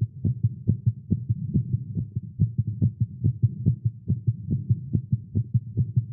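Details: Male, exercising with caffeine; tagged irregular heartbeat. A rapid thumping heartbeat at roughly 140 beats a minute, slightly uneven in rhythm: a fast heartbeat.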